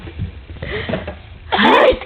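A single sharp, high-pitched infant sneeze after a moment of quiet room sound, an ordinary harmless sneeze.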